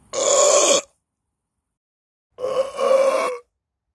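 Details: Deliberate burping at a school: two loud, voiced, rumbling belches, one short and one longer and broken, with a pause between.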